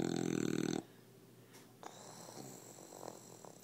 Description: Our 7 month old bulldog snoring in my arms. Too funny!